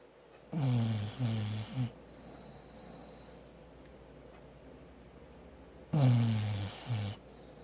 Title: Maggie the Bulldog - snoring